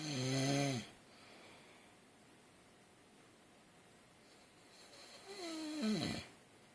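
Two loud, rattling breaths separated by a quiet pause: ordinary snoring.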